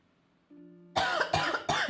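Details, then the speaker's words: Coughing bout during a roleplay game session: three harsh, forceful coughs in quick succession after a brief hum. "Sorry. That sounds like a terrible cough. Are you okay?"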